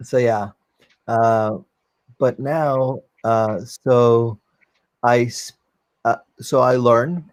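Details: 44-year-old man, former paramedic, with post-stroke aphasia following a stroke during valve surgery; cannot use one arm; non-fluent aphasia.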